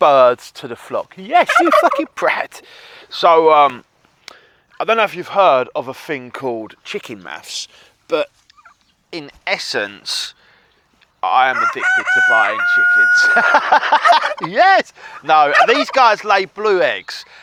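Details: Adult male with Tourette's who suppresses tics in public then tics heavily later, including tic attacks; swearing outbursts occurring mid-conversation; vocal tics (Tourette syndrome).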